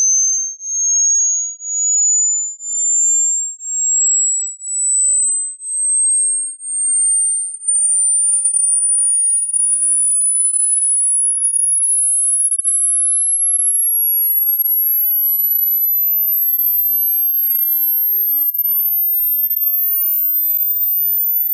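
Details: A pure high-pitched hearing test tone, first pulsed about once a second, then held and rising steadily in pitch toward the top of hearing: a "how old are your ears" age hearing test sweep.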